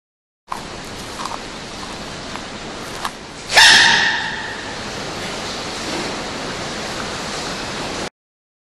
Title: sneezing panda